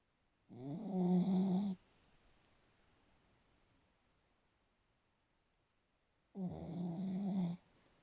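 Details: Sleeping pet: two low, rattling snores on inhaled breaths, about six seconds apart; snoring.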